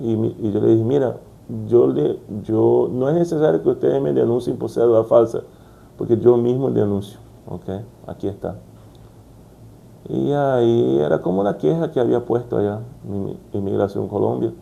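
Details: Brazilian adult man stuttering since childhood, speaking Spanish as a second language, working to overcome it; repetitions such as 'como como'; stuttering.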